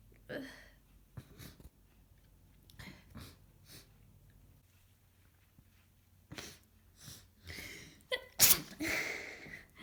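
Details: Congested, snotty head cold of a few days: several sneezes, some stifled and one strong wet one, with sniffling between; repeated sneezing with sniffling from a common cold.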